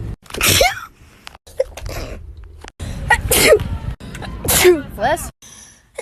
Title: female tiktok sneeze 169